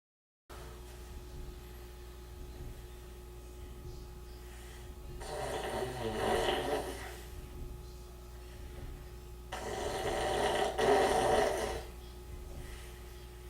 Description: ever snore so loud you wake yourself up?